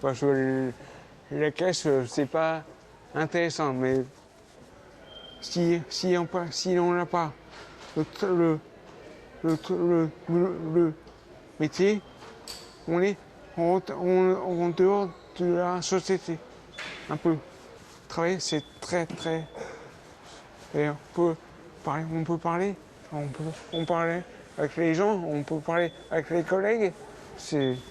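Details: Aphasia for over 20 years in an adult man, beginning after a 12-metre fall and several weeks in a coma.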